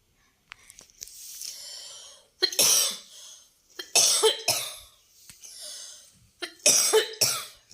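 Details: An adult woman's cough while sewing, during a stitching demonstration; she apologizes for the cough sound and says she is not feeling well.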